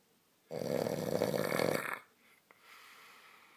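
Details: Sleeping man whose snoring is linked to lying on his back (advised to keep him off his back): single loud, harsh, rattling snore of about 1.5 seconds, then quiet breathing; snoring.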